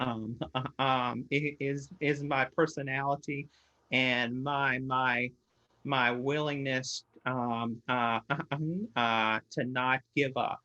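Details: Stuttering in an adult man who stutters more when meeting new people, under stress and when questioned; he uses a SpeechEasy device and is currently in therapy.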